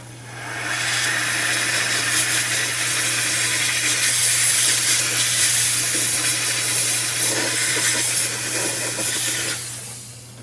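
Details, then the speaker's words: Steady loud hissing rush of a steam jet, about nine seconds over a low hum, steam cleaning an orthodontic retainer with labial acrylic and soldered C clasps in a dental lab to remove wax remnants before high-shine polishing. "And so what that steam cleaning does is make it to where it removes any remnants of wax, because wax is an enemy to this high shine wheel."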